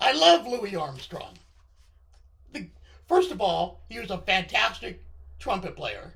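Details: Adult man with left-sided vocal cord paralysis following surgery, which limits his voice control.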